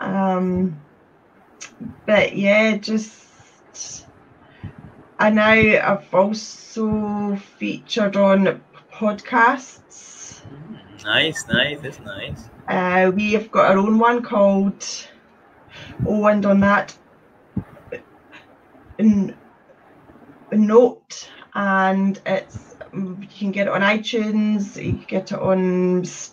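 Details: Adult woman who describes having had a speech condition; stuttering.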